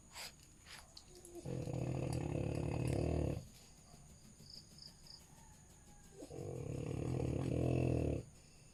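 Two long, deep, rattling snores on the in-breath, each about two seconds, with quiet pauses between: loud snoring in a sleeping flat-faced dog.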